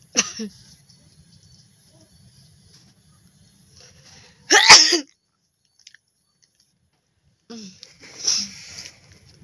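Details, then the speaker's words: Sneezing deliberately provoked with an object in a sneezing challenge, eyes watering: two loud, sharp sneezes several seconds apart, with quiet sniffing and faint room noise between. "আর আজকের challenge ভিডিওটি হচ্ছে সিঞ্জিং তাই চল আমি আজকে সিঞ্জিং করব কি দিয়ে বলতো এই যে এটা দিয়ে এটা দিয়ে আমি সিঞ্জিং করব"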